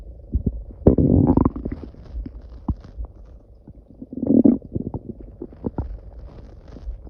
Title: Loud growling noises